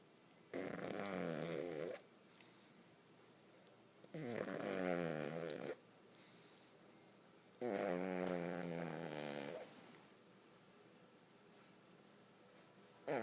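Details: Pug sleeping with eyes open: three long, loud, rattling snores with a groaning, whining tone, about every three and a half seconds, quiet between; snoring.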